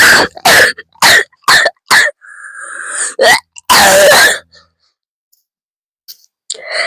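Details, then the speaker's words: A run of about five quick dry coughs, a drawn-out wheezy intake, then two more harsh coughs; the first fit of the day, hard enough to bring tears: repeated coughing fit. "First one of the day. That was a good one. I'm literally crying cuz of how hard I coughed."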